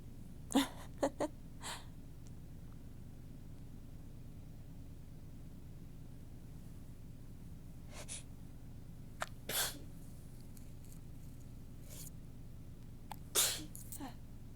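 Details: Person with a completely stuffed-up nose gives several soft, brief, tickly sneezes with small breaths and sniffs between while talking.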